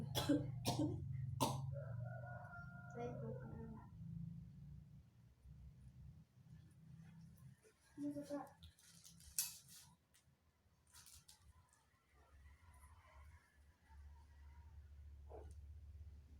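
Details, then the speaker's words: Run of three forceful coughs on exhalation after deep breathing with one hand on chest and one on abdomen, then quieter breathing and speech; simulated nursing-exam effective cough procedure on a 40-year-old man with dyspnea and hard-to-expel sputum. "Nanti Bapak dalam hitungan ketiga saat menghembuskan nafas nanti Bapak batuk dengan keras ya."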